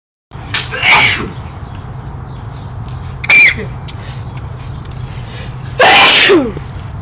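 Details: Neighbor heard sneezing oddly, recorded early morning; three loud explosive bursts with brief sliding voiced tails over constant background noise. Run of sneezes.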